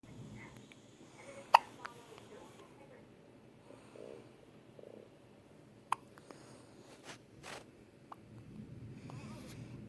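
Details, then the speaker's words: Infant in hospital with hiccups: soft, brief, sharp catches at irregular intervals against quiet room noise; infant hiccups. "cutest little hiccups, buddy. Finley, did you get the hiccups? Oh my. What happened? Huh? Did you get the hiccups?"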